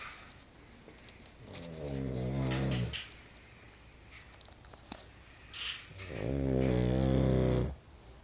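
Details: Adult man (father) sleeping: two loud, low, rattling snores on the in-breath with quieter pauses between; heavy snoring.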